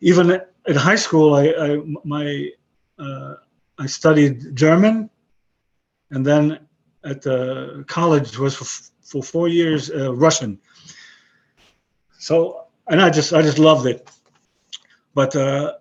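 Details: 62-year-old man with aphasia after a stroke about 11 years earlier; he lost his other languages but kept broken English and Hebrew; aphasia.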